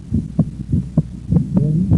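Steady lub-dub heart sounds; the second sound splits into two close parts on breathing in, a normal finding.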